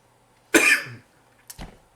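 One strong adult cough burst followed by a shorter, quieter second cough, in a quiet room.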